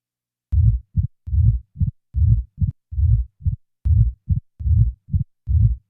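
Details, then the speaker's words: Simulated mitral stenosis heart sounds: early diastolic murmur removed leaving the presystolic portion, then murmur removed, leaving regular low thumps with an extra early diastolic click, the opening snap. "now the early portion of the diastolic murmur will be eliminated leaving only the pre-systolic portion now the murmur is removed leaving the opening"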